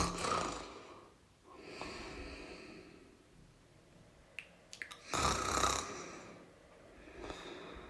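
Loud rattling breaths in and out during sleep, with a snort partway through: snoring.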